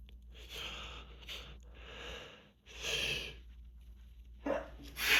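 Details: Repeated sneezing fit with breathy exhales between sneezes, from grass pollen allergic rhinitis at the end of spring season; the sneezer has been without medication for several days, with a pink nose and feeling drained.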